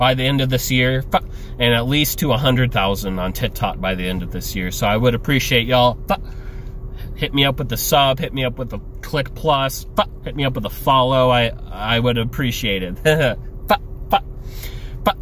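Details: Adult male with Tourette syndrome speaking casually, with involuntary noises and utterances during his speech: vocal tics (Tourette syndrome).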